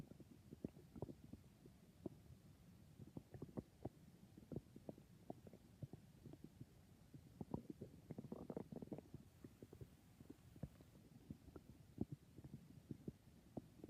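Frequent low pops, clicks and gurgles with a brief rumbling swell, heard continuously; ordinary stomach growling.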